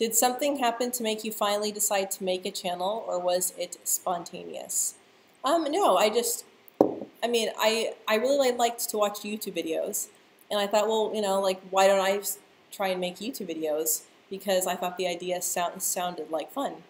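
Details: Adult woman who stutters, speaking live; part-word and word repetitions audible; stuttering.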